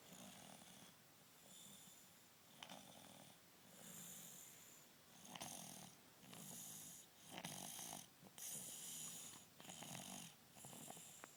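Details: Snoring from a sleeping baby: soft, irregular, snuffly snores with quick breaths, about 30 to 50 a minute, over background hiss.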